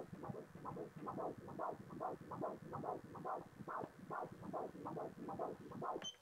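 Rapid, regular whooshing Doppler pulses at about 145 beats a minute: a normal fetal heart rate and rhythm.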